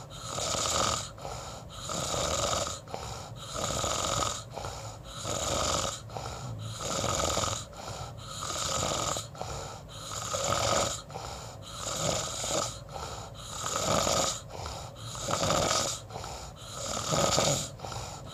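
Regular rough, rattling breathing noise during sleep, about 18 breaths a minute with snoring on each breath; snoring.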